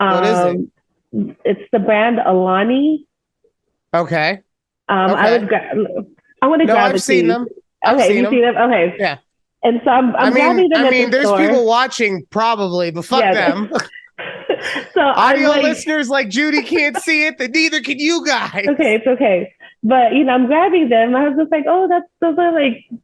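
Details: Adult woman speaking, casual conversation; no voice disorder.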